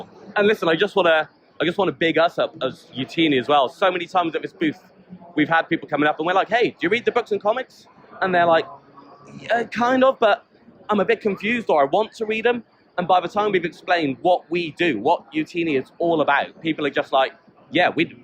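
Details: Adult man speaking; normal voice.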